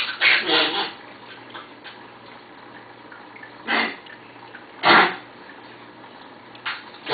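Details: Female foster dog with a newly developed cough: several short, harsh, breathy bursts in quick succession, then single bursts about a second apart; dry cough.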